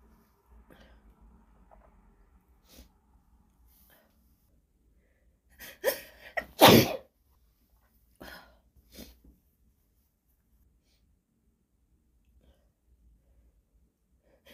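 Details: Woman's deliberately induced sneezes recorded on a phone: two quick loud sneezes close together, then a couple of softer breaths and a small sneeze-like burst, in a quiet room; sneezing.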